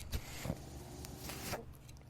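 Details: Home mechanical ventilator running: a steady low mechanical hum with brief whooshing and clicking bursts, the noise of the ventilator.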